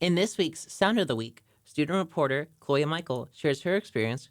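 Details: Adult female narrator; normal speech.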